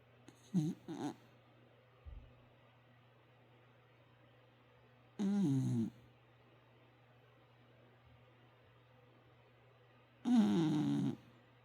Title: puppy snoring with tounge sticking out